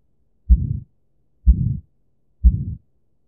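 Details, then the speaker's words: Heart murmur: low heartbeats at about 62 a minute, each followed by a drawn-out whooshing rumble, an extra sound from atrioventricular or semilunar valves not closing completely. "ya ya ini adalah suara tambahan yang terjadi ketika katup tadi baik yang atrioventrikular maupun semilunar tadi tidak menutup sempurna"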